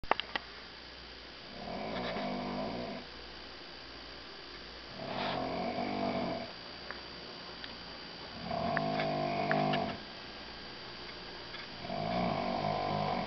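Four loud, rumbling, whistling snores, one per breath, about 17 breaths a minute, with faint room hiss.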